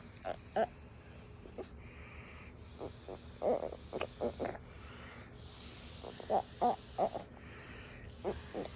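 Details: Toddler girl born with Pfeiffer syndrome (craniosynostosis), with a tracheostomy, making sounds over her trach; vocalization through a tracheostomy.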